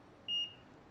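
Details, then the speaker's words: A non-contact infrared fever thermometer (HTC820, 5–7 cm measuring range) gives a single short high-pitched beep while the F3 sound on/off setting is demonstrated; device confirmation beep. "f3คือการเปิดปิดเสียงOnOff"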